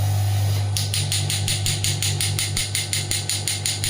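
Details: Biotronix pneumatic shockwave (ESWT) applicator demonstrated on the operator's hand at reduced intensity: rapid sharp clicks, roughly three per second, over a loud steady hum; shockwave applicator firing.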